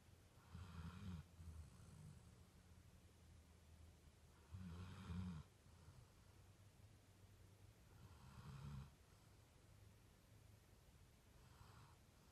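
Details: Dog scratched into a deep sleep: low rumbling snores on each breath, about four in twelve seconds, with quiet gaps. Happy, ordinary snoring.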